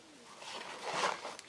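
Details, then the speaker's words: Brief, soft gurgling, cooing abdominal rumble picked up during speech, from someone who says they had a stomach infection last week and are not completely back to normal: stomach rumbling (borborygmi). "sorry if you can hear my stomach rumbling I had a stomach infection last week and it's mostly good but not completely back to normal"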